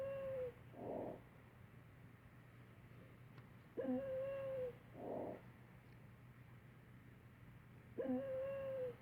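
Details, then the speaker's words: Wheezing with a high, musical whistle on each breath out, about 14 breaths a minute, as in asthma, simulated on a mannequin. "Wheezing as with asthma. It has sort of a musical tone."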